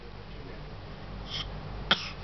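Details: Baby: a single short, sharp infant cough preceded by a softer breathy burst, against quiet room noise.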